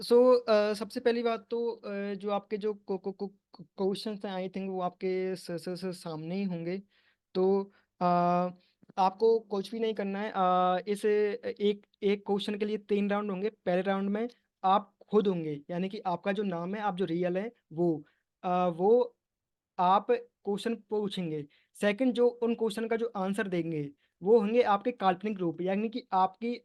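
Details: Stuttering in the male host of an online stammering support group role-play meeting, with part-word repetitions; he says he uses light voluntary stuttering with pausing plus pull-out techniques; stuttering.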